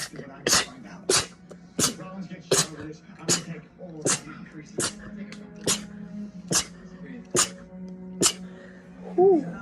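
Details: Girl with rapid sneezing: about eleven sharp sneezes, roughly one every second, with a steady hum in the background.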